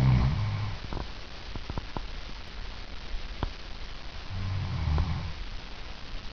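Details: Adult woman asleep: low snoring breaths with sharp scattered clicks and grating of teeth grinding, worsening as the recording goes on; sleep bruxism.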